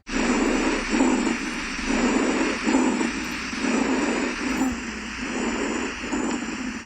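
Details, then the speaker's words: Pediatric chest auscultation: coarse, low rumbling breath sounds rising and falling with each breath, about 34 a minute; rhonchi, associated with secretions in the main bronchi and trachea. "Os roncos geralmente se associam à secreção dos brônquios principais e traqueia."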